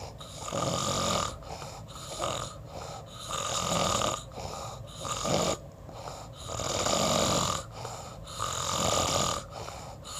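Rough, rattling snores on each breath in, about six breaths over ten seconds, with quieter breaths out between them.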